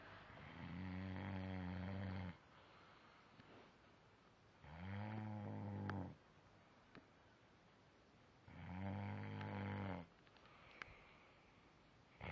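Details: Three long, loud, deep snores, each on a breath in, about 15 breaths a minute, with quiet gaps between them; snoring.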